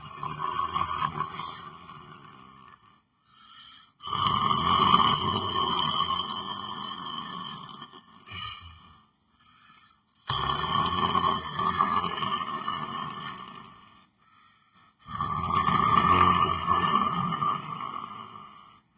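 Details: Person sleeping while sitting in a chair, snoring: four long, harsh, rattling snores, each separated by a quiet pause, with a steady tone running through each one.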